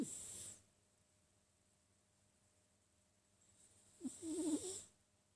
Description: My Sphynx cat Beatrice snoring.